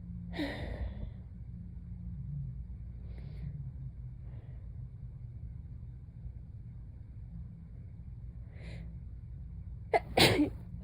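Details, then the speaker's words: Sleepy sneezes right after being woken from a nap: faint breathy sounds, then a sharp sudden sneeze burst at the end. "I have a paper towel on my pillow in case I fall asleep again, just so that nobody thinks that I'm sneezing directly into my pillow, because that would be unpleasant."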